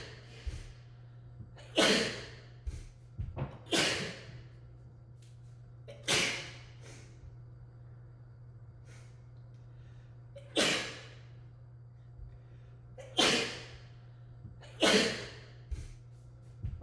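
A run of sharp, explosive sneezes, about seven in seventeen seconds, echoing in a hard-walled room with a steady hum behind.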